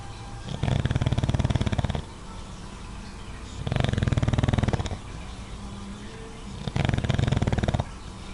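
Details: Sleeping dog in his favorite spot snoring moderately: loud, rattling snores about every three seconds, each over a second long; owner says deep-sleep snoring is about three times louder.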